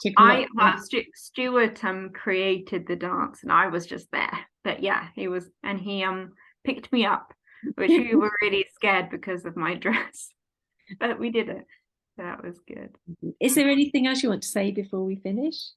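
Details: Aphasia in an adult woman following a stroke at age 18, now 14 years post-stroke, affecting speech, reading, writing and understanding numbers.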